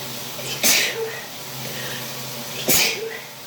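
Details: Sneezing fit in the shower during a cold: two forceful sneezes about two seconds apart over steady running water.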